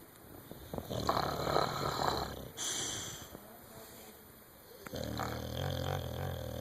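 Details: Soft, irregular rumbling breaths with snorting noises over steady room noise; snoring.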